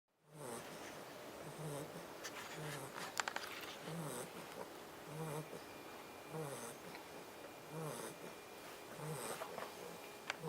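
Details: Labrador puppy snoring: soft, quick, rhythmic snuffling snores, about 36 a minute, over a steady background hiss.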